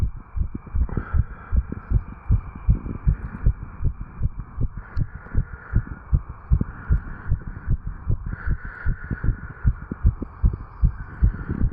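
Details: 35-year-old male after jogging, recorded at the tricuspid valve area: fast, steady, strong regular heart thumps with faint background hum; normal heart sounds after exercise.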